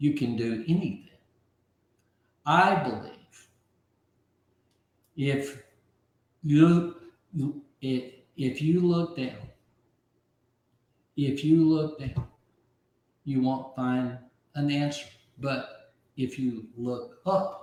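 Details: Aphasia in an adult man after a stroke about 15 months earlier; at first he could not be understood at all, and he has since relearned over 20,000 words.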